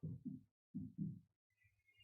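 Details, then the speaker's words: Heartbeat played in a health lecture on how gratitude steadies the heart: two clear, deep, evenly spaced lub-dub beats at about 80 beats per minute. "심장 박동에 따라 안정을 되찾기도 하고 망가지기도 하는 우리 신체."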